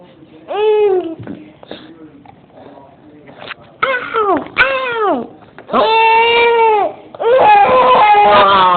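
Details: Fussy baby who has the hiccups crying and whimpering in a small room, with clear wailing bursts of falling pitch; a plain infant cry.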